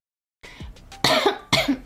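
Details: Girl ill since the previous evening, with a failing voice, told by a doctor not to talk for 3–5 days, given an IV drip, prone to heavy coughing at season changes: two sharp, harsh coughs after a brief throat sound.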